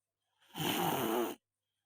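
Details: Snoring after a massage, sweaty and feeling unwell: a single harsh, rattling breath sound lasting under a second in a quiet room; snore.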